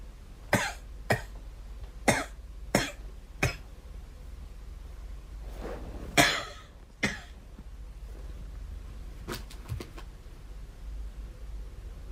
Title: Girl coughing 96